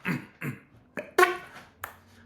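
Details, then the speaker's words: Person with Tourette syndrome and ADHD demonstrating vocal tics: abrupt, repeated grunt- and cough-like throat bursts. One hard tick was described as debilitating, painful and able to stop speech midway. "For example, I had this tick a little while ago. I had that's a really hard tick. Okay, that was debilitating. It hurt me. It stopped me in the middle of speaking."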